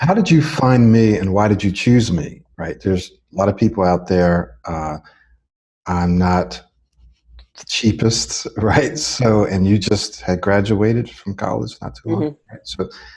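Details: Adult man speaking; fluent speech.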